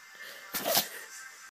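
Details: A single sharp, hissing sneeze from a dog during a sneezing attack after something got in his nose. It was not serious and he was unharmed; sneezing.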